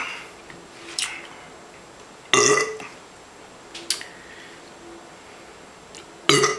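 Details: Person doing a 40 oz drinking challenge: a series of loud, rasping belches, two large and several smaller, over quiet room noise; burping.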